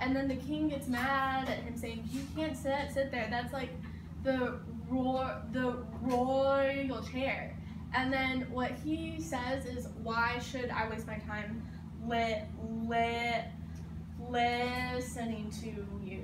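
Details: 18-year-old who stutters giving a class speech, with part-word repetitions; stuttering.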